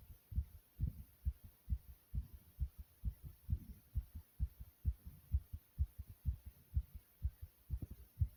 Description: My Fast Heartbeat Sound beating from inside my chest.